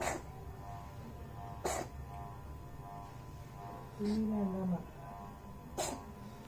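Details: Cat sneezing, the first time seen sneezing: several brief, sharp sneezes in a quiet room, with a short vocal sound between them.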